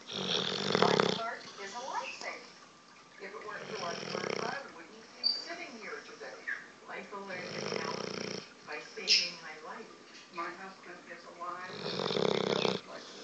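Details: Dog snoring in sleep: loud rattling snores on each breath with whistling and snuffling between them, in a quiet room.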